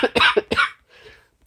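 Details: Three harsh coughs in quick succession, then a softer breathy exhalation, from an adult on day 6 of COVID-19 who is using inhaled breathing treatments.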